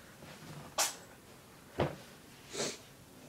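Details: Three short, sharp bursts of air about a second apart from a cat with the sniffles; sneezing.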